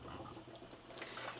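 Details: Steady soft bubbling of gas through water from a manufactured Fisher & Paykel bubble CPAP device, water level and CPAP stem setting the pressure, the expected sound of working therapy.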